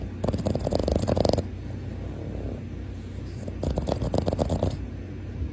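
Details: Dog snoring: two rough, rattling bursts of noisy breath separated by a quieter pause.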